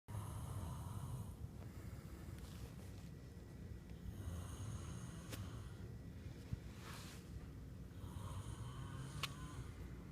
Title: NYC snoring